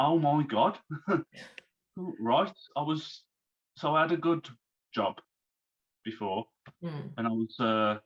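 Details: Man, now 34, who had a stroke at 33 about three months earlier, losing speech, reading and writing; recovering, with speech worse when tired; aphasia after stroke.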